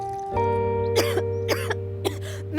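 Three short, harsh acted coughs from an adult man, heard over steady background music.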